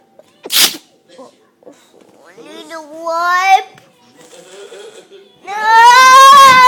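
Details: Child sneezing: a single sharp hissing sneeze, then whimpering and rising vocal sounds.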